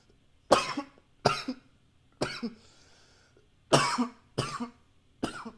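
Six sharp, dry cough bursts in quick succession in a quiet room; repeated coughing.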